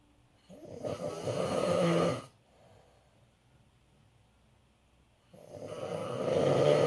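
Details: An adult man (father) snoring in sleep: two loud, rattling inspiratory snores separated by a quiet pause of about three seconds.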